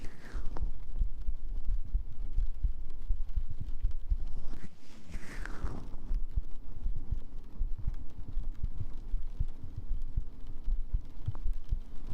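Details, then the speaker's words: Own heartbeat picked up during a live ASMR stream, described as quieter and fainter than usual, with volume adjusted: steady, muffled low thumps under a constant hum and rustling; a normal heartbeat. "Is that yeah, you can hear my heartbeat better now, huh?"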